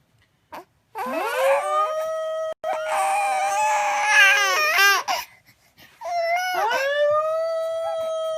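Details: Baby boy crying on hearing a wolf sound: loud, tonal crying in two long wailing bursts with rising and falling pitch.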